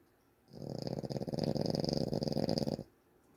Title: snoring Feb 2025